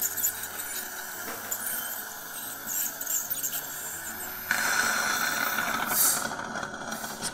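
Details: Ultrasonic scaler removing stains from the lower front teeth of a staff member with fixed labial wire braces, done during a staff-training orthodontic wire replacement after the wire is removed: high hissing squeal with water spray and suction.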